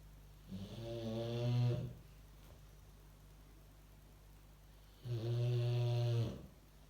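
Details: Boxer dog sleeping after a day's work, no sound effects added: two loud, rumbling snores, each over a second long, with a quiet pause between and a low room hum.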